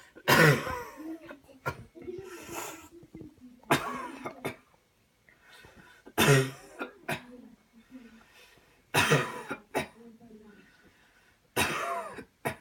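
Four strong, deliberate coughs spaced several seconds apart, with softer throat sounds and breathing between them; a demonstrated voluntary coughing technique.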